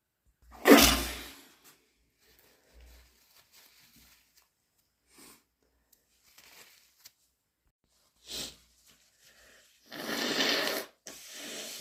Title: Wet cat allergy/induced half-stifles